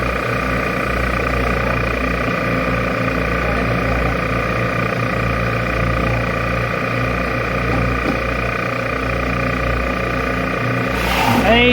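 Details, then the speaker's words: Steady motor hum and rattle of a portable rechargeable lithium-battery phlegm suction machine (25 L/min) running continuously during a pressure test reaching 85 kPa. "We have all these machines tested for our customers. You can see this one. Now we start to test the pressure."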